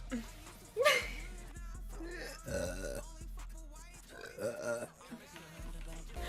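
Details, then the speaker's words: A woman belches repeatedly: several loud, drawn-out, voiced, croaky belches with brief vocal sounds between them, over background music. She remarks that she has to burp again. "Ooh, boo, boo. Oh my god, I have to burp again."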